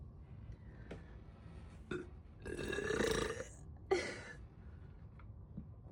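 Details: Burping in a person with a bloated, gassy tummy, with soda tagged: a loud, drawn-out burp followed by a shorter second burp, with faint clicks in a quiet room.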